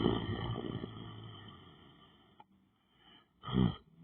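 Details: Person lying on the floor sleeping: loud, rough, low snoring breaths with a quiet pause between them, in a room with steady background hum; snoring.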